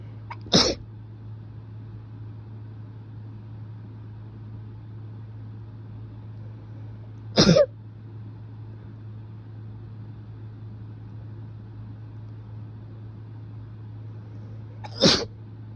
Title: Powerful kinda rapid sneezes